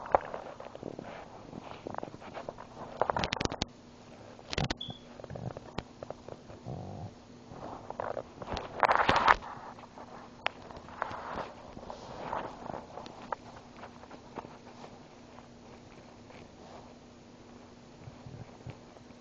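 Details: Child's belly after swallowing air and water: irregular gurgles, squelches and soft rumbles; normal bowel sounds (borborygmi).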